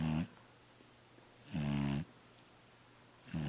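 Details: Small black dog snoring while asleep: slow, regular rumbling snores with a whistling edge, about 35 a minute.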